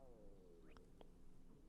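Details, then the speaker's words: Adult woman's stomach growling: a low, falling gurgle with a couple of soft squelching pops. "oh my god, I'm sorry, my tummy's growling. I don't know if you'll be able to hear that, but they're the funniest noises."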